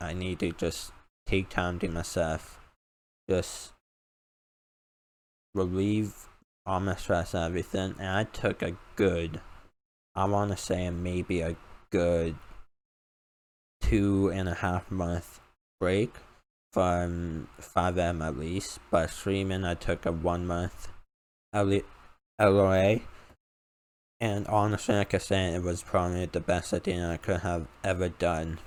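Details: Male speaker with a self-described uncontrollable speech impediment, improved after about 10 years of speech therapy; formerly used an iPad button talking device, not used for almost three years; speech impediment.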